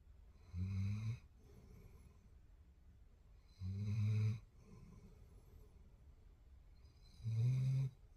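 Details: Sleeping German Shepherd puppy snoring: low, droning snores, about 22 a minute, with quiet breathing between.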